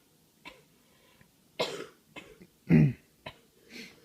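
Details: Adult woman with coughs for a few days, acted in a comedy skit of home-remedy cures: several short, harsh cough bursts with a throat-clearing quality.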